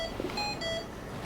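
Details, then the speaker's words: Simulated tracheostomy emergency training scenario: ventilator gives repeating electronic alarm tones after a tracheostomy patient on a ventilator is turned and does not seem to be breathing; ventilator alarm. "i just turned mr jones he's setting off the ventilator he doesn't seem to be breathing"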